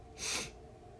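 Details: One short, soft, hissing burst of air over low room noise from a young male K-pop singer during a livestream: a small stifled sneeze.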